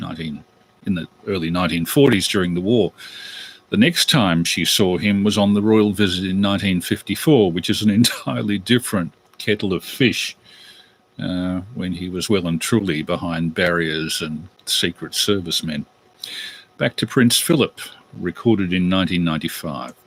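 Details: Adult male speaker; normal speech.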